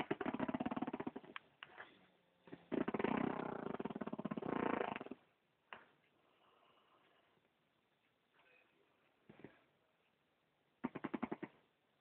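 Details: Snoring in a sleeping adult: loud, rattling, fluttering snores in irregular bursts with quiet gaps, a rough engine- or tractor-like sound; heavy snoring.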